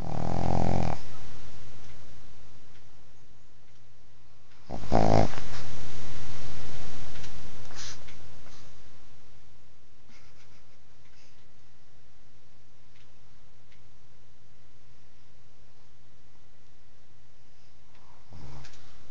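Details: A sleepy pug dog: loud, low, rumbling snorts at irregular intervals with a steady low hum between; snoring during sleep in a flat-faced dog.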